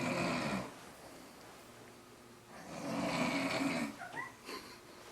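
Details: Mother snoring heavily while passed out after a long night of drinking; two loud, harsh snoring breaths separated by a quieter pause, in a quiet room.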